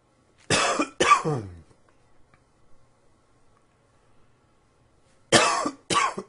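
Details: Two pairs of loud, harsh adult coughs separated by a few seconds of quiet, recorded in spring with everything blooming; plain repeated cough.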